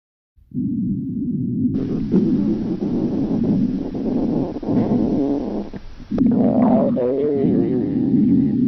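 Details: Hunger stomach growling (borborygmi), staged scenario of a girl in a meeting past noon: long, loud, continuous low growling and gurgling rumble.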